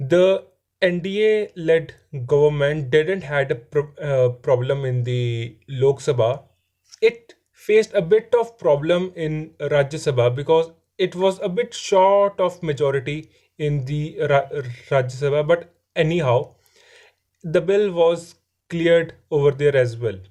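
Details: Adult man who stammers and says his stammering is improving; stuttering (stammering) with repeated words.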